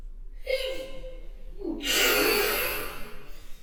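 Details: Acted sneezing by a model portraying hay fever and being unable to stop sneezing: a rising indrawn gasp followed by a loud, breathy sneeze burst.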